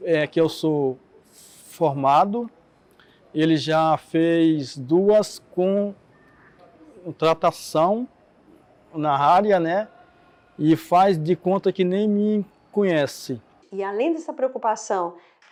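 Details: Adult Portuguese-speaking man who stutters, heard speaking with stuttering.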